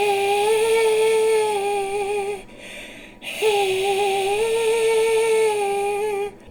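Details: Singer deliberately overdoing combined raspy and breathy singing, with tight vocal and false vocal folds, persistent glottal gap and dampened vibration, labored, tense and hard to keep on pitch; strained breathy, raspy singing (deliberate, demonstrated).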